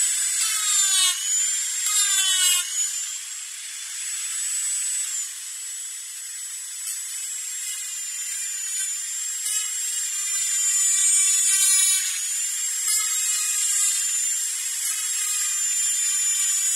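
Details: Dental drill sound-effect recording: high, steady whine with brief pitch dips as it is loaded.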